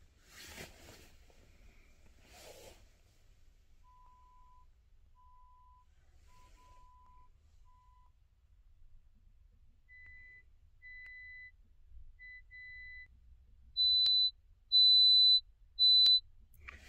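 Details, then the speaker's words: Bone-conduction audiometry during a hearing test before hearing-aid purchase: left bone-conduction test with headphone masking, right ear hearing low tones better; patient presses button on hearing the test tones. "ですから、前と同じように、右側からは「shh〜」、左側からは「beep〜」と「boo-woong〜」のような風が聞こえます。その音が聞こえたら、それを押します。"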